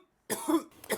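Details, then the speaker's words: Student coughing on cue in a laser-scattering droplet experiment: a single deliberate voluntary cough, a sharp explosive burst with a brief trailing second puff. "We start the camera just before the student is coughing and we record over two and a half seconds."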